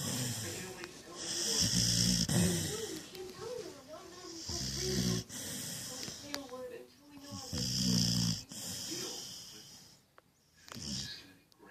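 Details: 'Pit' snoring: loud, rough snores with snorting on each breath in, about three or four breaths, with quieter breaths out between them.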